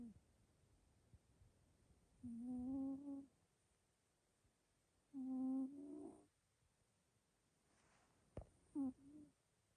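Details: Soft, steady hum-like snores from a sleeping Scottish Fold cat, about 3½ years old, described as fairly loud: about three snores in ten seconds over faint room hiss; ordinary sleep snoring.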